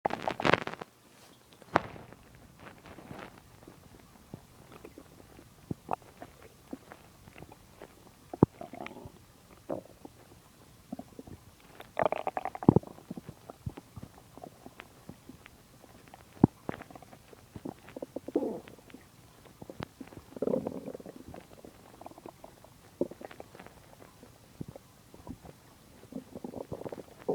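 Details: Stomach growling (borborygmi) in a person digesting a large meal, stomach usually quiet: soft gurgles, clicks and brief rumbling bowel-sound bursts.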